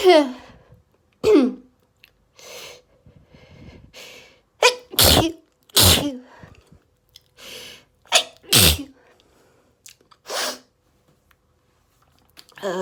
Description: Allergy rapid desperate sneezing fit! (It was insane)